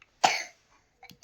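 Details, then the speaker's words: Sick child with a pneumonia-type problem every winter, needing a nebulizer, still coughing and feverish despite morning medicine, not eating well: a single forceful cough in a quiet room. "अब भी खांसी हो रही है और को fever भी है।"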